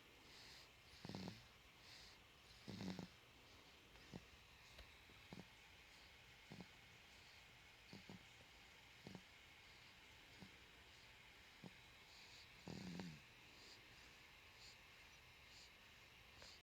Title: Snoring little monkey